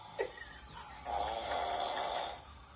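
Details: A brief snort, then one long, rough, rattling snore on an in-breath in a quiet room, from a couple in which both partners snore; snoring.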